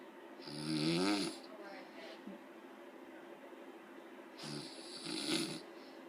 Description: Mother snores loud